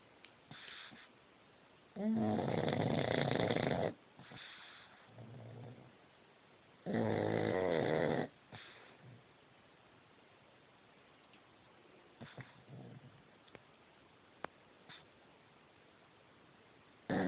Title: Loudest snoring ever!